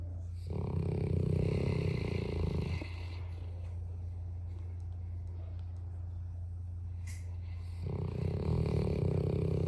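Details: Sleeping English Mastiff dog snoring: slow, rumbling, long drawn-out snores, about eight a minute, over a steady low hum.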